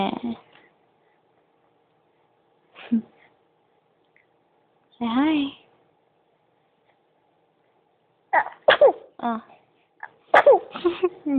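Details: Brief explosive sneeze bursts separated by quiet, followed by voices talking in a room; sneezing.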